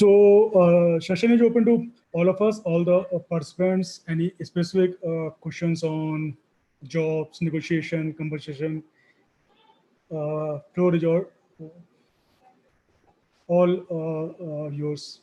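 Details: Adult male working professional who stammers, speaking in English at a national stammering conference; stuttering.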